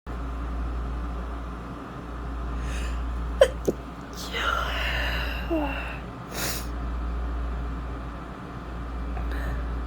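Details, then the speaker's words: Adult female with a summer cold, itchy congested nose and sore throat, sneezing in bed: sudden sharp sneeze bursts with a preceding catch of breath over steady low room hum; sneezing. "And I'm congested and I just want to sneeze like a million times and get the itch out of my nose, but it never seems to go away."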